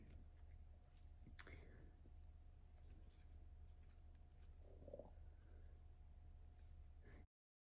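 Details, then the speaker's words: Adult's stomach, shortly after eating, possibly digesting, recorded while crocheting: a low steady rumble with a brief bubbling gurgle midway and faint handling noise in a quiet room. Stomach growling (borborygmi). "if you hear that that's my stomach I don't know why I just ate so maybe it's just digesting"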